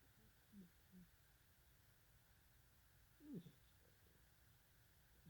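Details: Sleeping cat snoring: quiet, steady low rumble with a few soft, brief snorting breaths.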